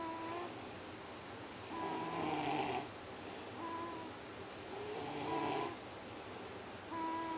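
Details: Person snoring while asleep on the couch in the evening: slow, regular rasping snores, about 20 breaths a minute, with a faint whistling tone between breaths.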